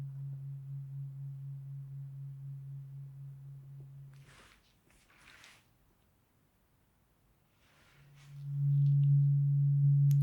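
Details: ASMR roleplay cranial nerve exam, eyes closed, binaural: tuning fork tone as a second tuning fork is introduced, listener asked whether one or two forks are heard; simulated hearing test.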